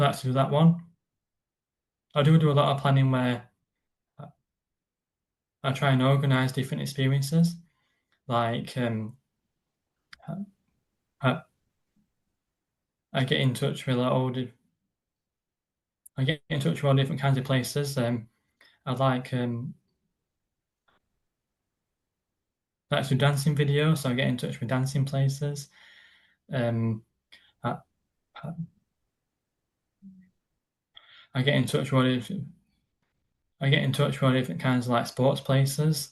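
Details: Stuttering (stammering) in an adult man who describes it as a neurological condition that blocks words from getting out, on any word; silences occur while he is blocked.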